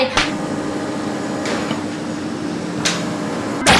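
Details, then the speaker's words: Continuous low motor hum with faint periodic whooshing suction cycles and clicks: a portable electric breast pump with adjustable levels, single or double pumping, running to demonstrate its quiet operating sound. "และเสียงการทำงานของเครื่องนะคะเต่ามาไม่เชื่อฟังเสียงกันทำงานได้"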